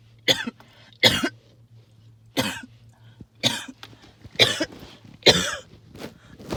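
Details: Adult hacking cough with wheezing, linked to tree pollen and mold spores: six harsh, hacking coughs in short bursts with a wheezy quality between them.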